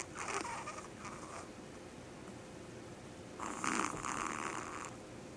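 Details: Small Yorkie dog snoring while asleep: two rough, noisy breathing sounds a few seconds apart, the second louder and longer. Snoring.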